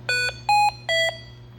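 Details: Hamilton T1 ventilator, patient circuit disconnected then reconnected: three loud steady electronic tones in a repeating pattern over a low hum, an alarm signalling low minute volume.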